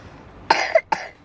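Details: Young child with a cough and cold, kept off nursery: two short coughs, the first with a voiced tail, against quiet room noise.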